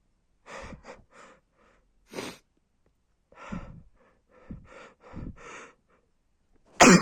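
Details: Adult male stifling several muffled, held-back sneezes with breathy catches, then releasing one sharp, loud sneeze and feeling better afterwards; repeated sneezing.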